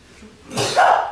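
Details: Single sneeze from a K-pop singer (The Boyz): a brief rising intake followed by a short, forceful voiced burst; sneezing.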